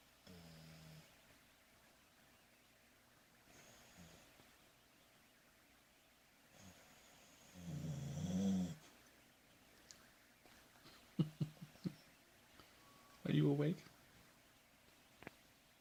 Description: Ginny is sleeping on my lap and snoring.